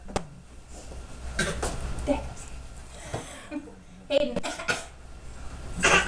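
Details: Infant aged five and a half months gives several brief, deliberate little coughs between soft vocal sounds: a playful voluntary fake cough.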